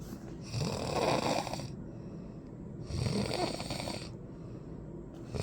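Two long, rattling snores on breathing in, each lasting over a second, with quieter breathing between; ordinary loud snoring.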